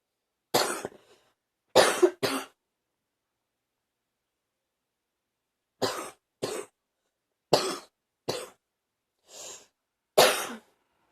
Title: # 36 still coughing up morning junk